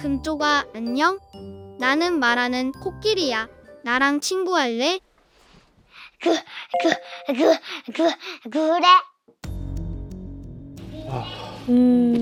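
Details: Stuttering in a four-year-old girl, sudden onset in September with single-syllable repetitions; a pediatrician found no physical problem and recommended speech therapy; an expert links it to perfectionism and fear of making mistakes.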